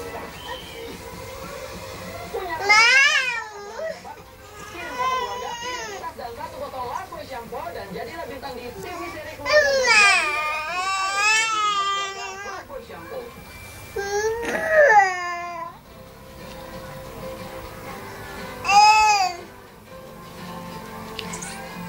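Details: Bursts of high-pitched, wavering infant crying separated by pauses, over steady background room and television noise.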